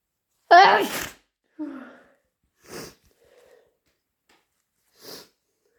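One forceful sneeze, then several fainter follow-up sneezes and sniffs in a quiet room; a sneezing fit that was brought on deliberately.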